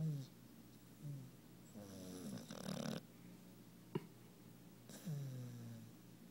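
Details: Sleeping puppy snoring, worn out after play, twisted up and twitching: irregular low rumbling and whistling snores with nasal squeaks.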